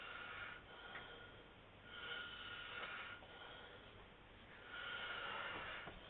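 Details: Snoring recorded on an HTC mobile phone: rough, rattling breaths rising and falling in slow cycles, about three in six seconds, over low room hum.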